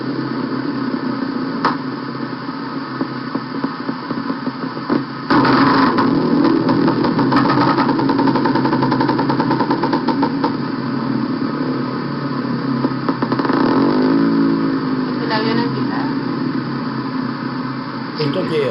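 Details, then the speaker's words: EMG myotonic discharge provoked at rest by moving the needle or tapping near the muscle: rapid electrical discharges that rise and fall in loudness, likened to an airplane or revving engine, as seen in myotonic dystrophy or congenital myotonia. "que Observa que Escucha es como que va subiendo y bajando"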